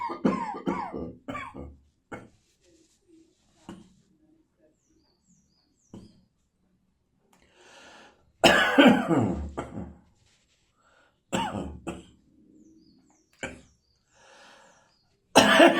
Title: Tickly Summer Morning Cough.